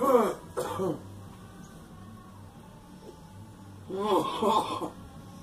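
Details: Girl coughing: three bursts, two close together, then after a pause a longer wet-sounding run, with some throat clearing.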